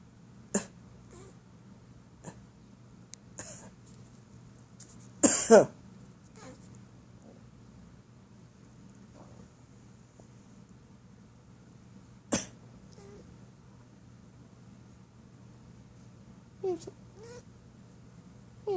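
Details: Several short, sharp coughs from an adult woman in a quiet room. Her pet cat answers with small, high meows after the coughs near the end.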